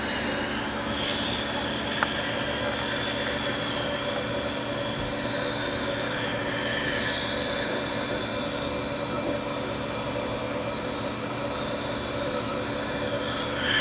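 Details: School dental clinic in Switzerland: after examining a child's teeth and noting plaque, the dentist cleans them with a dental handpiece, heard as a continuous high whirring drone with a steady motor tone.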